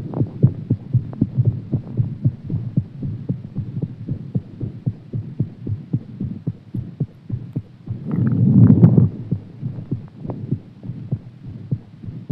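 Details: Heartbeat after exercise: fast, strong low thumping with a steady hum and a brief rumble partway through.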